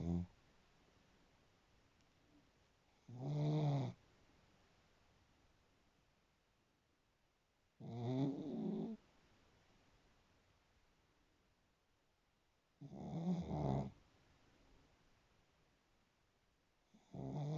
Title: snoring